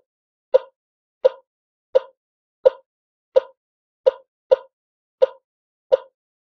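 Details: Sound-effect recording of an infant ECG heart monitor: steady, short monitor beeps at about 86 per minute.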